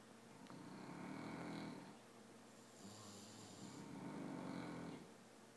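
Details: Two people snoring: low rumbling snores on the in-breaths, roughly two cycles over several seconds, with quiet gaps between.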